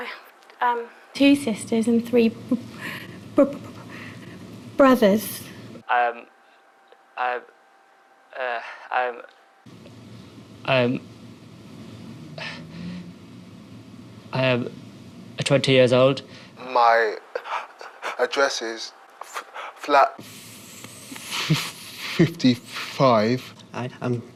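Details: Stuttering with word repetitions and hesitations in a young man at the start of an intensive four-day McGuire Programme course, before learning the technique.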